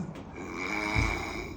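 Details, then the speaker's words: Loud snoring while sleeping on the back, with apnea episodes of about 10-second breathing pauses; a brief, rough, rumbling breath with a faint steady whistling tone. "bu bir şey değil hocam bu arkası üstü nefes gitti Şu an apneye girdi"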